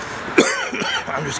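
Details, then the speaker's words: Adult, slightly ill and getting over a lingering cough, sitting outside with coffee to loosen throat mucus: single harsh cough burst followed by throaty clearing sounds. "just coughing too much. I'm just gonna use this coffee to melt the mucus in my throat."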